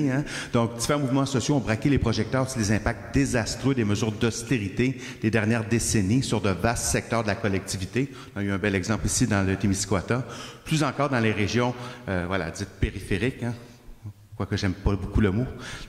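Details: Adult man speaking French; normal voice.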